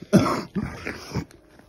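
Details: Three short, harsh cough-like bursts with throat noise during a tonic-clonic seizure in a person with temporal lobe epilepsy. The patient appears awake but is unconscious while being told to stay still.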